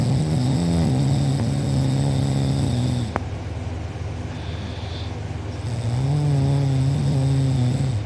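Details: Loud, rattling, buzzing snore on each breath with quieter pauses, recorded by a sibling during deep sleep; mouth open and drooling, uvula and soft palate sore afterward: heavy snoring.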